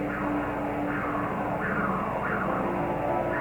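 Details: Normal transcranial Doppler signals from circle of Willis vessels, including middle and anterior cerebral arteries, recorded through the temporal window during an introductory clinical exam demonstration.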